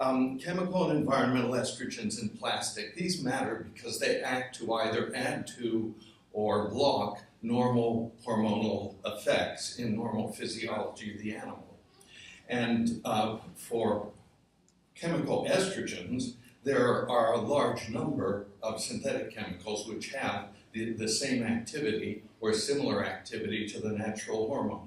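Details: Adult man with essential tremor that also affects his hands and ended his surgical work; voice wavers; voice tremor (essential tremor).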